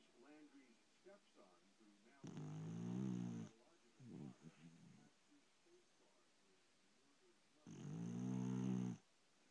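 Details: Pet dog asleep snoring: two loud, buzzy, low-pitched snores about five seconds apart, roughly 11 breaths a minute, with television talk in the background; dog snoring.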